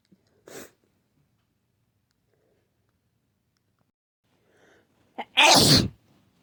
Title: Nonstop sneezing